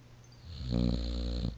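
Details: Dog asleep on a couch: a single loud, low, buzzing, rattly snore on the in-breath, like an adult man's snore.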